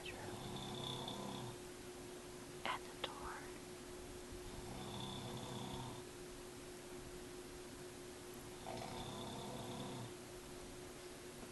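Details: Extremely loud snoring from an adult man asleep at 9 p.m.: three rough, rattling snores about four seconds apart, roughly 15 a minute, over steady room hum with a brief click.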